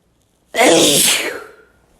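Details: Wet sneeze from a male: a single sudden, forceful, wet-sounding sneeze that fades quickly; an ordinary sneeze.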